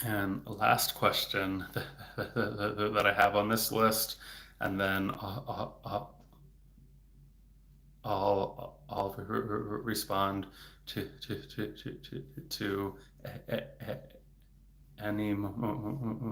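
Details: Adult male speech-language pathologist who has a stutter, speaking in a livestream: stuttering.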